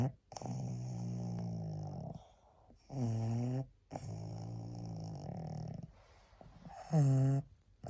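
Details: Slow, drawn-out snoring breaths with a rough, snorting tone, about 15 a minute, from a tired, sleepy female pug, a flat-faced dog.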